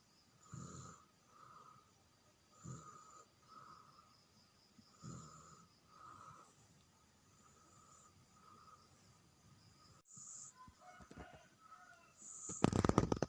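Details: Sleeping baby snoring softly and regularly, about one breath every two seconds, with a low rumble on each breath; infant snoring.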